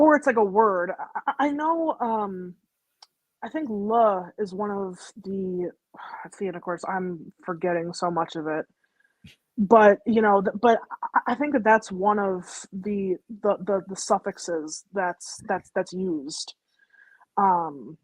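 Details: Woman with a stammer on and off since growing up, which her school initially did not believe; repetitions such as "the the the"; stuttering.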